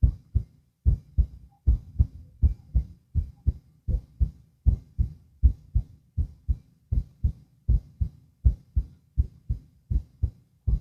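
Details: Heart auscultation lying down: steady paired low thumps through a stethoscope, about 120 beats a minute, regular rhythm; ordinary heart sounds.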